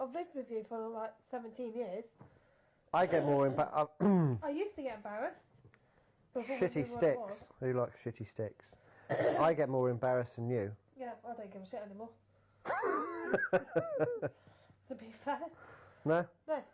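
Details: Adult women talking; conversational speech.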